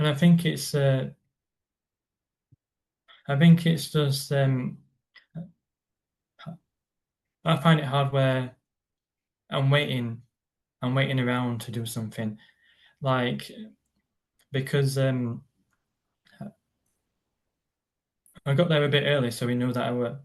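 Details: Adult man with a stammer, described as a neurological condition felt as blocks stopping words, occurring on any word, with silences while blocked; stammering (stuttering).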